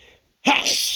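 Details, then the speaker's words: Person with dust allergy, nose tickling: a brief quiet pause, then one sudden forceful sneeze with a hissing burst of air; allergic sneeze. "Oh, this is making me sneeze like crazy. Hey, you, you. Oh God. Yeah, it's just tickling my nose like so bad. I feel this sneeze coming."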